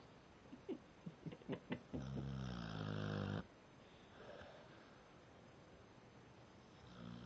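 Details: Sleeping pit bull: several short snorting sniffs, then one long, loud, rumbling snore, followed by quiet breathing; snoring.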